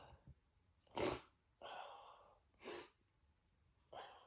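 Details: A male sneezing on himself: two huge, desperate, explosive sneezes, each with a sharp burst of air, separated by quick breaths in.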